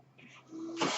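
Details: Sound of the speaker's own mechanical ventilator during recorded speech: a soft hiss with a faint steady hum, then a louder rush of airflow at the end, part of a ventilator breath cycle.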